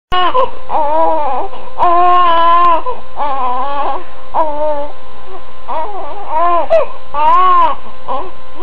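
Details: Baby boy with colic and upset tummy cries in repeated strained, high-pitched bursts: infant colic crying.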